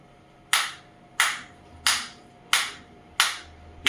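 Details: Focused (not radial) shockwave therapy device for pain management, firing through its water-filled applicator held on the hand: sharp, regular snapping clicks about 90 a minute as the shockwave pulses are delivered.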